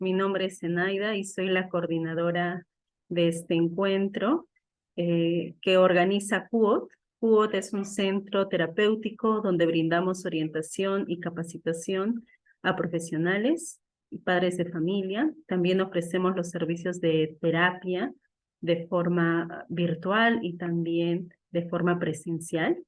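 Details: Adult woman speaking Spanish; fluent speech.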